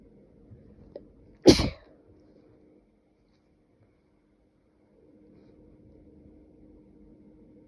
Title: Spray Sneezes